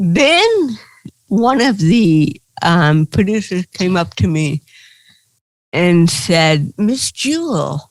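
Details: Adult woman comedian with cerebral palsy, real (not acted), retelling her first stand-up comedy routine; dysarthria (cerebral palsy).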